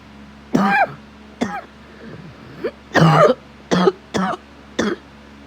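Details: Six harsh, throaty coughs in irregular bursts over about five seconds from an adult with asthma who smokes daily, sick after exposure to an ill child, with occasional burning chest; cough.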